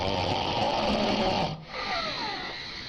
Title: Woman Snoring loud